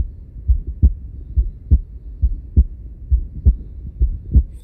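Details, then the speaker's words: Littmann Core digital stethoscope, volume about halfway: clear, regular lub-dub heart sounds at about 68 beats a minute with no added noises; normal heart sounds. "now this became really quite enjoyable and I could really hear the heart sounds really clearly and everything just was so beautiful"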